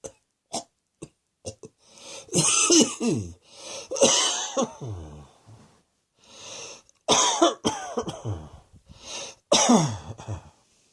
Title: Cross Dressing Coughing 86